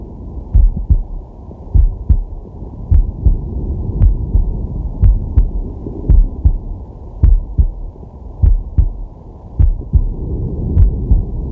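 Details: Male's heartbeat and breathing recorded with a digital stethoscope on the chest during a sleeping/relaxation session: steady lub-dub about 50 beats a minute with slow breathing behind; normal heart sounds.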